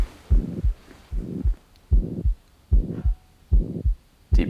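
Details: Stethoscope chest auscultation with the patient rolled onto the left side: regular heartbeat near 75 a minute with a rough whoosh between each beat pair; heart murmur.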